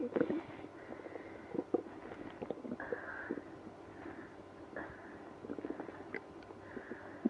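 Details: Active bowel sounds, stomach growling after drinking milk and prune juice with irritable bowel syndrome (IBS): drawn-out gurgling and groaning rumbles from the belly over a low hiss.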